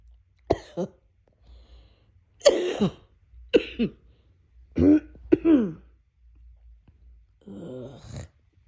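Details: Adult feeling a cold coming on: several short, harsh coughs and throat clears with quiet pauses between bursts.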